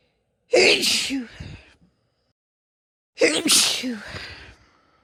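Two loud sneezes, each with a quick in-breath and forceful burst, about two seconds apart; ordinary sneezing.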